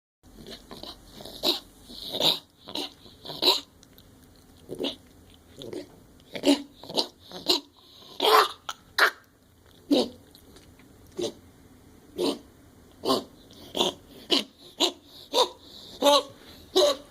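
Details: Pet gives a long run of about twenty short, dry, hacking coughs in a quiet room; owner wonders whether it is a hairball.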